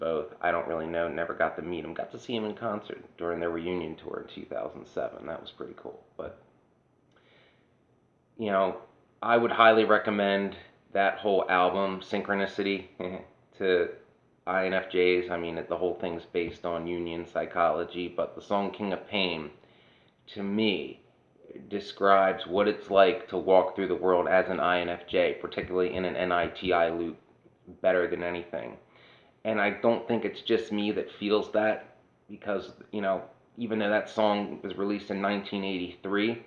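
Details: adult woman whose voice changed after laryngitis in 2009, unable to sing for over a decade; dysphonia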